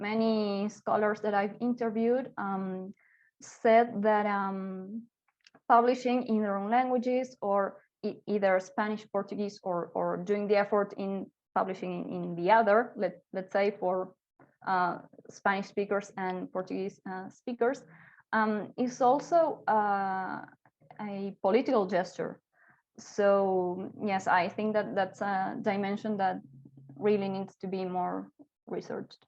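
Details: Adult woman speaking; typical voice.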